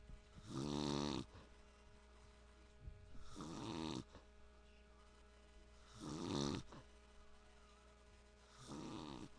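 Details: Adult man (father) gives four rattling, voiced snores on breathing in, about 22 a minute, with steady room hum between; snoring.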